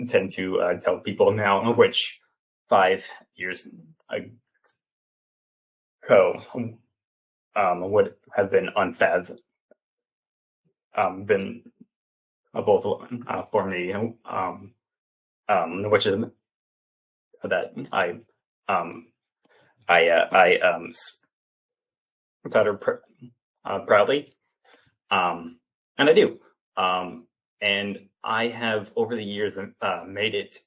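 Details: Stuttering in a 28-year-old man, an open stutterer, speaking in an interview; he has stuttered since childhood and had speech therapy from elementary through high school.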